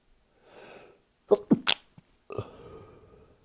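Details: Held back sneezes, then let them out while showering after a session: an indrawn breath, then three quick sharp sneezes in a row with a short exhale; brief sneezing fit.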